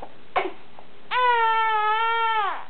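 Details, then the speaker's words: Baby girl protesting during modified tummy time, screaming hard; a brief catch of breath, then one sustained, steady high-pitched infant wail. "and then I think she realized that she got tricked into this modified tummy time still screaming bloody murder"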